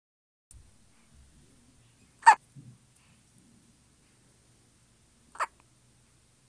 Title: Baby hiccups in hes sleep